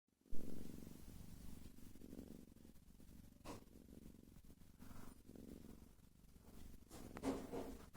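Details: Cat snoring while asleep.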